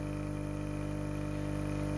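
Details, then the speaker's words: Nebulizer compressor running a daily saline treatment through a hole for Victoria, a cockatoo with breathing difficulty, sneezing and suspected sinus blockage: steady low mechanical hum with a constant tone. "so i have our beautiful girl victoria she's having breathing issues you guys so i have the nebulizer going and she's getting a nebulizer treatment so this is what she has to have daily now"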